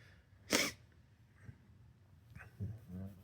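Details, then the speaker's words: Person sneezing while talking on camera: a single sharp, forceful sneeze followed by quiet breathing and soft sounds. "Just sneezing trying to trying to give knowledge. Sneeze. I can't help it. I can't help it."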